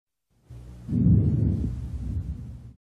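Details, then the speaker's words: Normal vesicular breath sound heard with the stethoscope diaphragm over the posterior chest, peripheral lung: soft, low-pitched, no pause, inspiration to expiration ratio 3:1. "Vicular sounds are normal in the peripheral lung. Soft low pitch with no pause and a 3 to1 inspiration expiration ratio."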